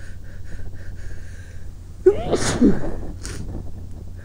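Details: Sneeze from a person who is sick, sitting in bed inducing sneezes and sneezing into a pillow: one forceful, partly muffled sneeze with a quieter breathy follow-up.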